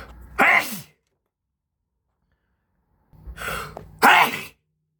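Two forceful sneezes, the second after a breathy build-up, from allergic sneezing.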